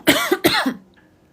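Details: Two short, dry cough bursts in quick succession, then quiet, from a pregnant woman with a persistent cough she describes as one of her pregnancy symptoms, recorded during a live stream.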